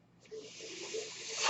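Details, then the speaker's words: Mechanical ventilator delivering a breath to a man speaking on his podcast: steady airflow hiss swelling over about a second with faint low tonal hums. "my name is that noise you're hearing is my ventilator"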